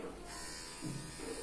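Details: Small electric breast pump motor running with a low buzz that shifts slightly in pitch; the pump has massage and suction modes with power levels 1 to 9.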